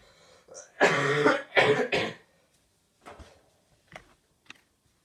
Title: Black screen with couple More cough | Bernauer Straße